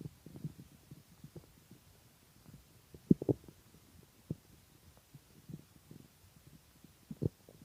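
Irregular low gurgles and rumbles with a few louder squelches, typical of hunger stomach growling; normal bowel sounds.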